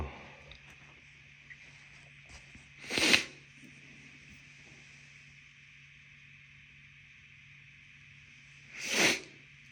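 Two forceful, wet-sounding sneezes about six seconds apart over a steady low background hum. Sneezing.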